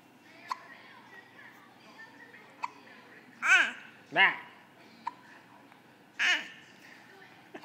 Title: Baby hiccups